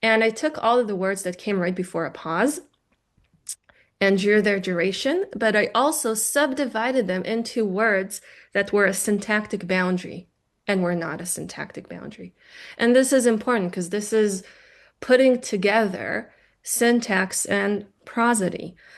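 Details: Adult woman lecturer; Normal speech.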